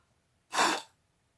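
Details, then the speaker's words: Single short, hard, maximal exhalation after a deep inhalation into a horizontally held peak flow meter, demonstrated by a respiratory therapist. "donc pour la fin je vide mes poumons je prends une grande inspiration et je sauve pas"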